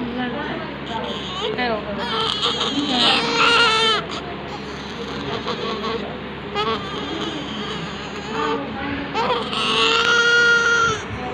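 Loud, strong bursts of newborn crying with pauses for breath, over faint room noise; a vigorous cry typical of a healthy baby just after birth.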